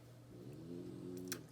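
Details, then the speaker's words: French Bulldog snoring in background in a quiet room, low buzzing snore through one drawn-out breath; days after poisoning emergency from chewing a punctured inhaler canister; snores heavily. "I talked about our French Bulldog to her well she's the one you can hear snoring in background if you are new to my channel welcome Frenchy snore like crazy"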